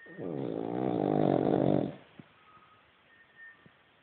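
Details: A Cavalier King Charles spaniel snoring loudly: one rattling snore lasting under two seconds, then quiet.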